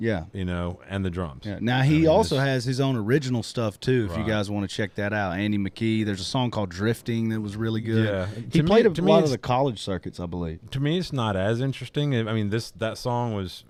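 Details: Adult male speaker; normal speech.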